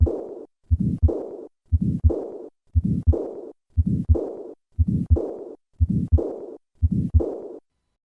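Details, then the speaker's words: Aortic regurgitation with a systolic flow murmur, recorded at the second left intercostal space: regular heartbeat about 59 a minute with a soft systolic murmur and a long blowing diastolic murmur. "space aortic regurgitation and a systolic flow murmur recorded at the second left intercostal space"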